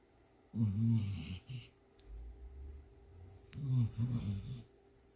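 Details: Sleeping dog snoring: two low, fluttering snorts about three seconds apart with a faint low rumble between, in a quiet room.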